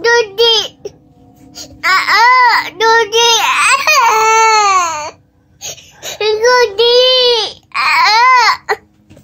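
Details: 1-year-old baby boy cries in repeated loud, high, wavering wails separated by short breaths: infant crying.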